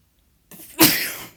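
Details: After a brief quiet pause and a short indrawn breath, one sharp explosive burst of air fades quickly: a single sneeze.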